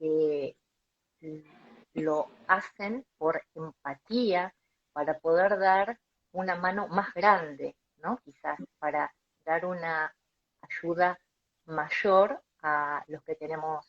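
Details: Adult Colombian speech-language pathologist who stutters and founded a stuttering foundation; stuttering.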